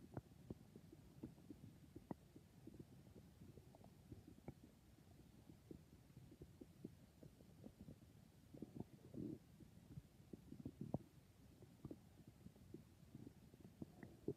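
Quiet, constant gurgling and bubbling rumbles with small pops throughout, typical of ordinary stomach growling.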